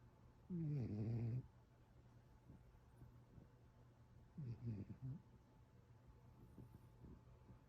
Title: Tito The One Eared Rescue Cat Who Snores